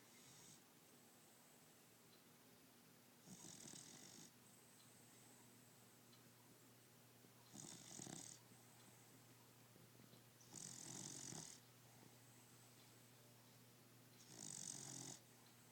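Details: Four breathy, hissing snores roughly every three to four seconds with a steady low hum behind: a sleeping dog snoring.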